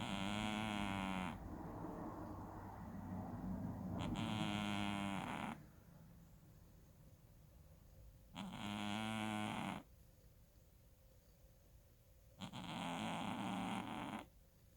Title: Louie, The Snoring Cat